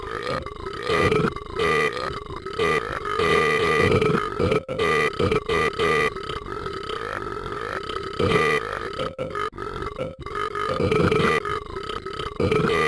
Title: Talking Ben's ultimate burping #animation #funny